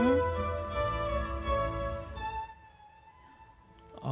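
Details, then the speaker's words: Simulation of moderate hearing loss, the level where a hearing aid is needed: bowed string music turns faint and muffled, heard only very softly; moderate hearing loss simulation. "중도 난청이 예 중도 난청인 소리가 들리시나요 아주 작게 들리실 거예요 아주 아주 작게네"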